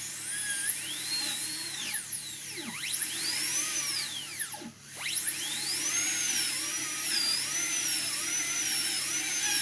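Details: PFM crown preparation on the upper left canine: 170L bur reducing the incisal edge, high-pitched dental drill whine rising and falling as it cuts, over background music.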